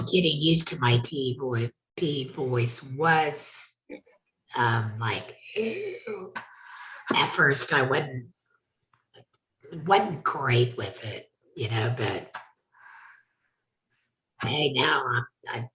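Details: Adult speaker; alaryngeal speech after laryngectomy.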